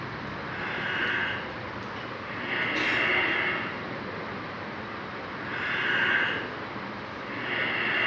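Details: Slow, unhurried breaths with long gaps over a steady hiss; bradypnea.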